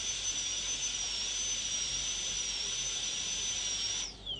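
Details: Steady high-pitched whine of a high-speed dental drill that winds down at the end, during crown preparation of a tooth for a PFM crown.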